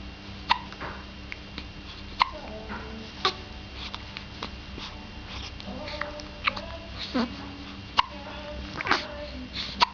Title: got hiccups